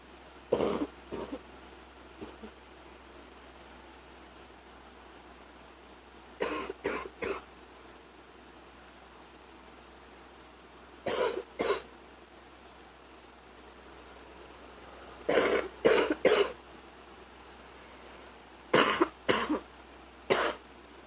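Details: Soft, muffled adult coughs in short clusters of two or three with quiet gaps, some at night with a partner trying to be quiet, some deeper in the morning.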